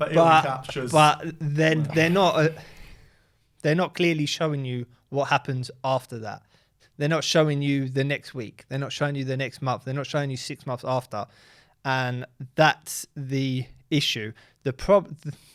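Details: Adult man speaking; fluent speech, no speech disorder.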